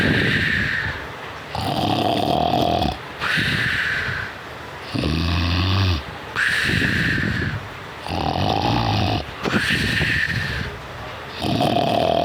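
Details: Puppy snoring loudly while asleep: noisy snores on both in- and out-breaths, about 19 breaths a minute, with a whistling edge.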